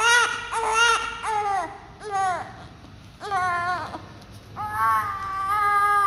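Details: Newborn baby with an oxygen tube in the nose giving repeated strong, tonal cries in short bursts with brief pauses, then relaxing; a vigorous normal cry.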